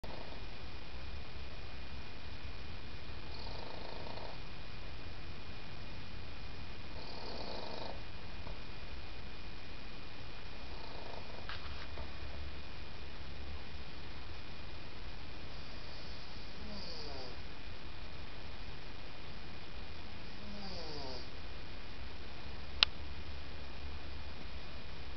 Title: African Grey Snoring..